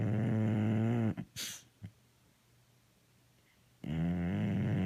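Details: Very tired dog, called a bully, snoring while awake: long, low, buzzing breaths broken by a short sniff and pause.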